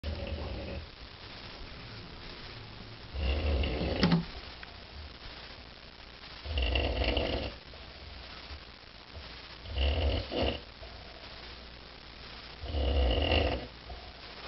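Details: A friend's snoring keeping the recorder awake: four loud, low, rattling snores in about 14 seconds, roughly 17 a minute, with quiet breathing between; regular snoring.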